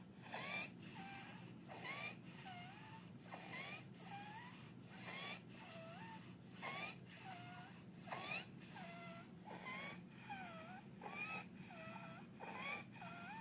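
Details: Infant with laryngeal dyspnea: rapid noisy breathing, about 40 breaths a minute, with a high-pitched musical whistle on each breath; stridor.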